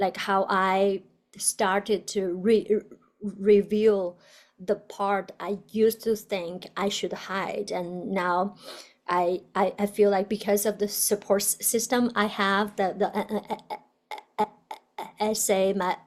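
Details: Adult woman, a doctoral student in communication sciences and disorders, who stutters; stuttering.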